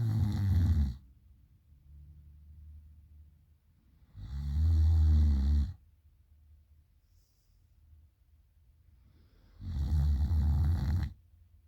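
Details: Loud night snoring in a sleeping girl: deep, rattling snores at about 12 a minute, each followed by a quieter out-breath, in a quiet room.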